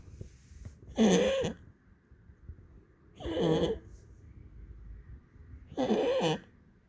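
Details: Goliath, a pet, coughing for the veterinarian: three short, harsh, honking bursts about two and a half seconds apart with quiet breathing between; the coughing has become much more frequent.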